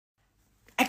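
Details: Cough from a baby with a cold.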